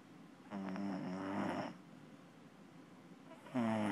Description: Truman the Wonder Beagle snoring.